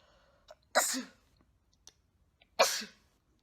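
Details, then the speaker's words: Person sneezing: two sharp, explosive sneezes about two seconds apart, each preceded by a quick catch of breath, in a quiet room. "I need to sneeze. This smells exactly like the Oh, I never know when a sneeze is coming."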